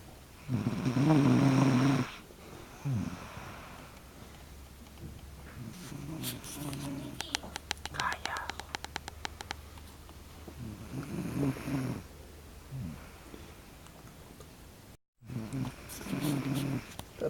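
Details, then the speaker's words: Snoring while lying in a bad position: loud rough snoring bursts with quieter breathing between them, plus a brief whisper-like sound. "roncando el pato mala posición entonces ahorita ahorita está ronca está cargando un montón"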